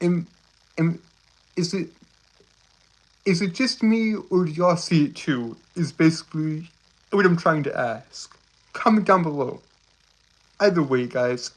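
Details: Male speaker with a self-reported speech impediment causing stuttering.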